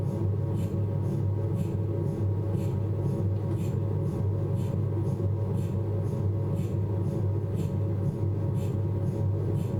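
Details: Steady low droning hum with faint rhythmic knocking about once a second from a Philips 1.5T MRI scanner running an abdominal sequence; MRI scanner noise.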